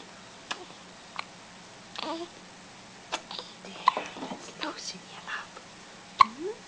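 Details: Brief, sudden clicking catches every second or two from a baby being changed, with soft whispered adult talk between: hiccups.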